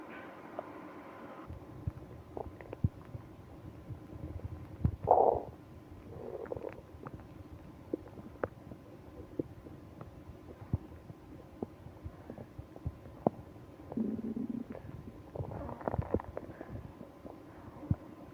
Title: Stomach ache on business trip (stomach growling, moaning)